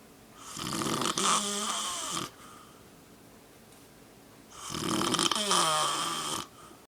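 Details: Old man who snores all the time and can fall asleep almost instantly, snoring: two long, harsh rattling snores on breathing in, about four seconds apart, with quiet out-breaths between.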